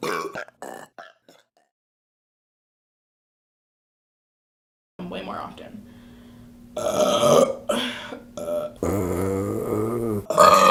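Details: Repeated burping: a few short belches, a pause, then several longer, loud, voiced belches with some vocal sound mixed in.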